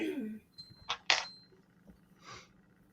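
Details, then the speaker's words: A woman's small sneezes: two quick, sharp, airy bursts close together, then a softer burst, described as cute; sneeze. "that was so cute her sneezes yeah i know bless you you should hear them sometimes in person it's like pikach"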